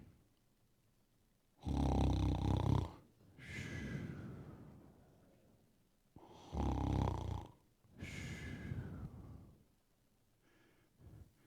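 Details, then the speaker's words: Imitated snoring sound demonstrated during a sermon while mentioning snorers and sleep apnea. "I'm not going to ask a hands of people that snore you know who you are you may have sleep apnea"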